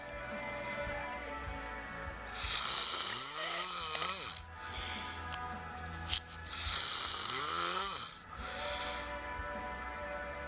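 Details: Snoring in sleep: two rising, grunting snores about four seconds apart over background music.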